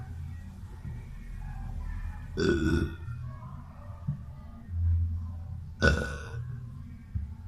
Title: Burping Boy